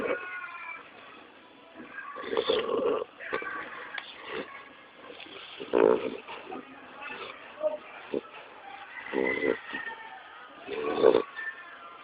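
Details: Snoring in a sleeping pit bull puppy: irregular snorting, rattling snores about 18 a minute, with faint background music.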